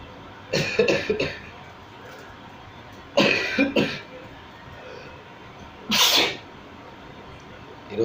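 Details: Three deliberately provoked sneezes, brought on by tickling the nose with a small stick: the first two doubled explosive puffs, the last a single loud sneeze.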